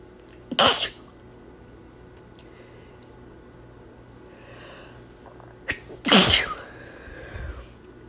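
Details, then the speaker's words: Two loud explosive sneezes several seconds apart, the second preceded by a short in-breath, in a quiet room; speaker announces needing to sneeze and mentions allergy; sneezing. "Voy a estornudar. Ay, perdón. Otra vez. Necesito estornudar. Ahí viene."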